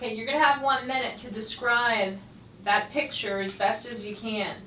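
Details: Adult woman speaking (examiner); Normal speech.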